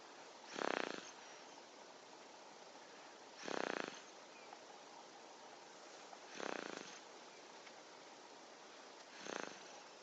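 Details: Six-month-old baby boy snoring: four soft, even snoring breaths about three seconds apart, roughly 20 a minute, in a quiet room.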